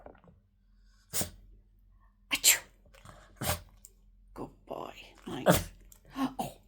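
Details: Shih Tzu dog gives several quick, sharp sneezes on cue as a trick, with brief praise between them; sneeze.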